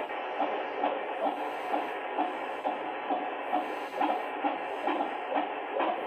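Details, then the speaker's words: Fetal heartbeat on Doppler ultrasound at 34 weeks of pregnancy, female fetus: rapid, regular whooshing pulses about 131 beats a minute, stated as normal. "Okay, so ito po yung puso niya. Nakita mo yan? Tibok-tibok."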